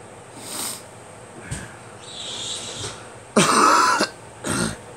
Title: Me coughing